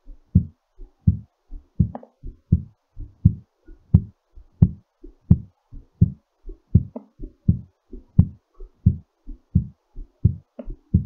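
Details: Strong, steady low thumping heartbeat at about 87 a minute; a normal heartbeat settling during recovery after exercise.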